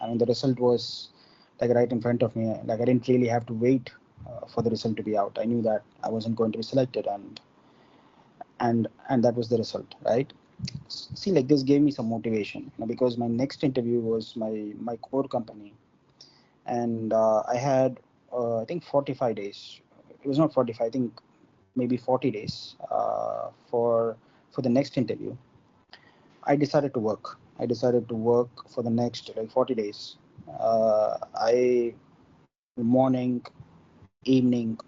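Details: Involuntary stuttering in an adult man from India who stammers, with onset at about four or five years old.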